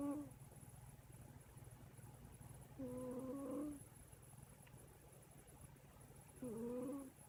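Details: Sage, a cat, snoring while asleep.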